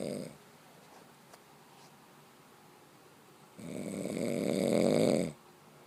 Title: snore 4